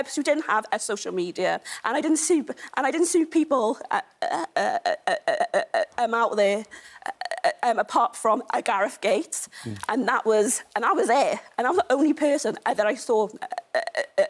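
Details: Stammer (stuttering) in a woman, a stammer campaigner.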